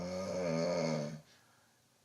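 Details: Loud snoring in obstructive sleep apnoea in a woman, recorded by her husband during sleep and played back unmodified; the snoring is so loud it is described as animal-like and as shaking the bedroom walls.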